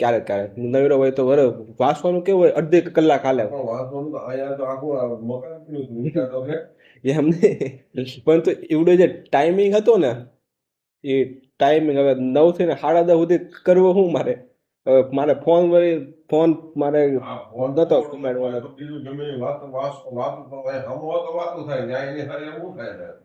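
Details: Man who stammers and does daily fluency practice, speaking Gujarati in a recorded conversation with his father; stuttering.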